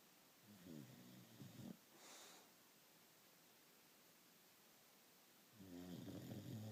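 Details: A bulldog snoring: two low, rattling snore sounds with a soft breath out between them, in a quiet room; ordinary snoring.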